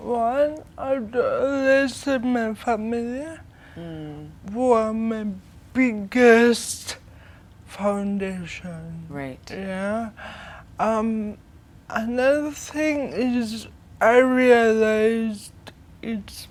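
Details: 25-year-old woman with cerebral palsy from brain damage due to lack of oxygen at birth during her mother's prolonged labour, affecting leg and hand movement, coordination and speech; dysarthria.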